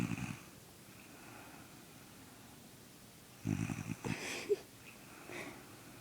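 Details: Younger brother asleep and snoring, not waking while someone tries to wake him: two short, rattling, snorting snores a few seconds apart in a quiet room.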